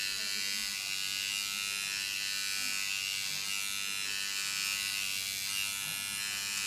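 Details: Microneedling pen with PRP on a client's face, client reports no pain: steady high-pitched electric buzzing in a small room.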